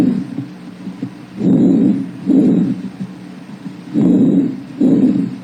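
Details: Bronchovesicular breath sounds (normal).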